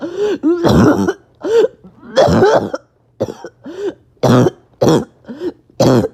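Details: Repeated harsh, voiced cough bursts with a hoarse, barking quality and short rough intakes between them, after a bad 48 hours of illness; an awful barking, wheezy cough.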